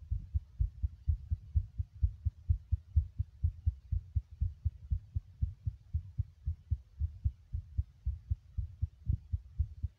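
Steady low thudding heartbeat at roughly 64 beats a minute, each beat a dull double thump.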